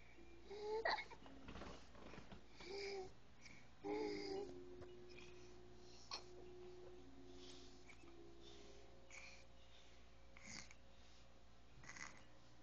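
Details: Child with trisomy 18 having hiccups, which usually upset him but seemed to amuse him this time: brief voiced catches, unevenly spaced every few seconds, with soft babbling in a quiet room.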